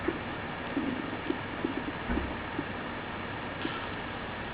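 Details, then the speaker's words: Hyperactive bowel sounds of diarrhea on an auscultation simulator, heard at the upper right and upper left abdominal quadrants: frequent short gurgles and clicks over steady hiss. "sam presents over 20 bowel sounds they may be heard in the upper right and upper left abdominal quadrants listen to the sound of diarrhea"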